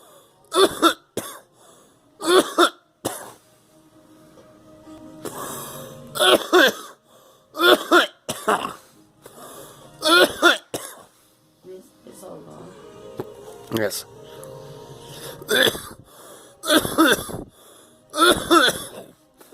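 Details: Repeated short, harsh coughs in clusters of two or three, with soft music-like tones in the background.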